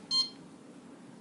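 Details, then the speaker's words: CADD Prizm home infusion pump being programmed: a single short high-pitched keypress beep in a quiet room as the lock key is pressed to change lock level to zero. "in order to change the lock level we press on lock we switch the lock level to zero by pressing the down arrow and then we press lock again and"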